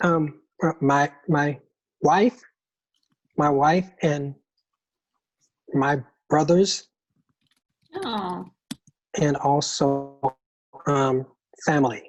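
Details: Man with aphasia; aphasia.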